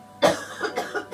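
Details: A single strong cough from an adult woman during a cupping therapy session, followed by a few softer coughs.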